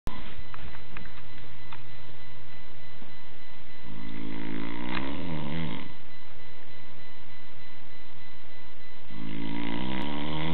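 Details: Adult man (father) snoring in sleep: deep, loud, rattling snores on inhalation with quiet pauses between them.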